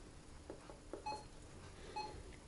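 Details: Soft button clicks then two short electronic beeps in a quiet room; keypress beeps while locking or unlocking an Agilia syringe pump via the menu padlock, set up for heparin in an emergency department.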